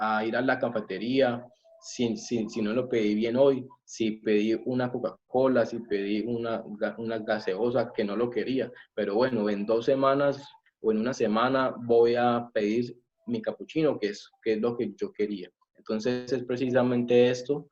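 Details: Adult male, self-described person who stutters, speaking Spanish; stuttering.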